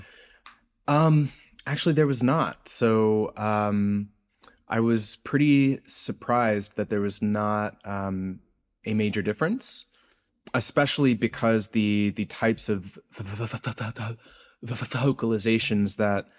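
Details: Adult male postdoctoral researcher, self-reported speech impediment audible throughout an interview; this stretch has word repetitions; stuttering (disfluent speech).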